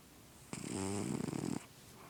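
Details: Sleeping cat snoring, vet-checked and said to be healthy: a single soft, buzzing, fluttering breath about one second long over faint room hiss; snoring.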